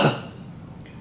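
A single short, forceful cough at the start, fading quickly into quiet room noise: a voluntary cough given on request during an abdominal examination.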